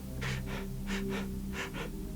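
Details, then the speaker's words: Imitated rapid breathing, three quick in-out breaths in about two seconds over soft music, demonstrating tachypnea of about 30 breaths a minute versus a normal 12-14, as in a skeletal patient with HIV and TB: tachypnea. "Normally one breathes at about 12-14 times a minute. If you breathe at 30 times a minute,"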